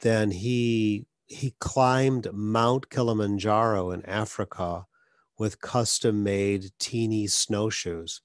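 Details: Adult man; plain speech.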